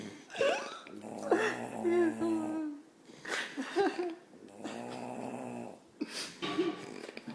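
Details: Person passed out asleep, snoring like a weed wacker: loud, buzzing, rattling snores in repeated bursts with a harsh, motor-like vibrating tone.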